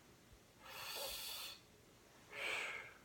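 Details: Deep breathing by an adult patient on request during lung auscultation with a stethoscope, in a nurse practitioner respiratory exam.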